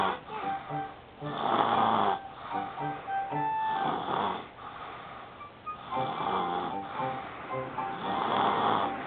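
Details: Baby snoring during a nap: irregular snuffly, nasal snoring breaths, with loud music in the background.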